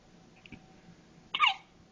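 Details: Quiet room with a faint soft catch, then one brief sharp high-pitched hiccup; hiccups in a newborn just twenty-four hours old.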